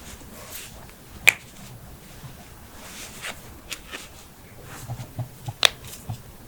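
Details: Compilation of joint cracking from knuckles, necks, toes, backs, ankles, hips, wrists and jaws: sharp, crisp pops and softer clicks in a quiet room; normal harmless joint cavitation.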